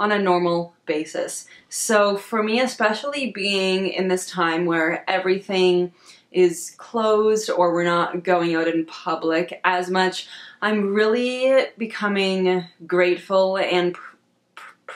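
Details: Adult woman who stutters, with stated difficulty on words she can't change and on vowel sounds, and social anxiety; stuttering.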